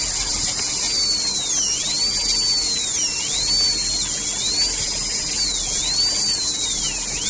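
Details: Dental drill during root canal treatment of curved canals: a steady high-pitched whine, its pitch dipping repeatedly as the bur bites.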